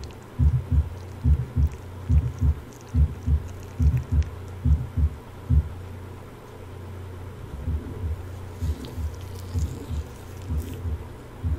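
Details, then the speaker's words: Abnormal heart sounds: a regular heartbeat of about 71 a minute with a soft whooshing sound between the beats, a heart murmur. "this is a normal sound over the apex of the [Music] heart and then you hear some abnormal sounds"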